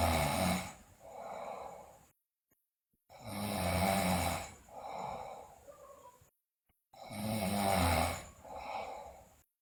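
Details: Loud, rough snores on each breath in from a sleeping girl, followed by a softer breath out, about 16 breaths a minute; heavy snoring, with bruxism and delirium noted.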